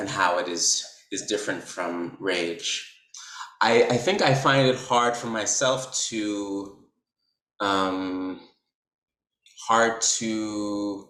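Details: Man who describes himself as a person who stutters, with silent blocks on his own name where his mouth is open and no sound comes out; stuttering.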